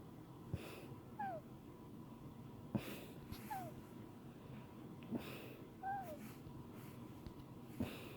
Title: High pitch sneezes part 1